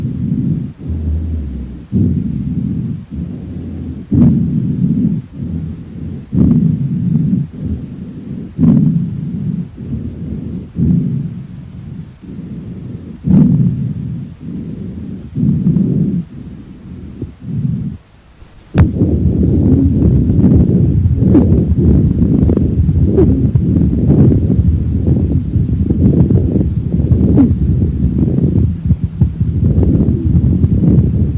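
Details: Normal lung sounds heard on auscultation of a horse.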